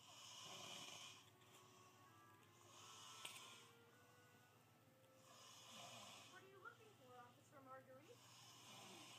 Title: Snoring hard af